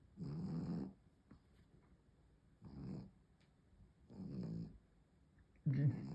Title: My dog snoring #snoring #cute #pug #funny